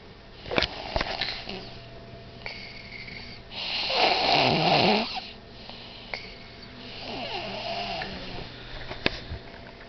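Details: Sleeping young girl on a bean bag: a loud, rough snore on the in-breath, then a softer rattling second snore, faint room noise; snoring.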